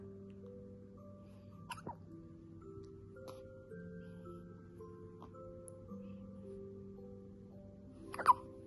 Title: hiccups...